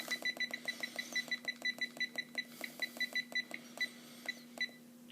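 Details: Infusion pump being programmed during an ambulance-transfer instructional demonstration, setting 47 mL/hr and a 250 mL bag volume: a rapid run of short, high electronic key beeps, about three per second, over a steady low hum.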